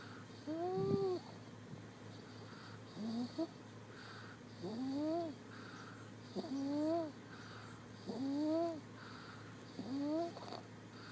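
Regular squeaky, whistling snores rising in pitch, one about every 1.7 seconds, about 35 a minute.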